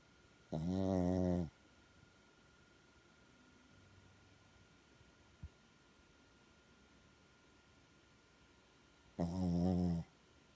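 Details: Pet dog Taro snoring while asleep: two deep, rumbling snores about nine seconds apart, ordinary harmless snoring.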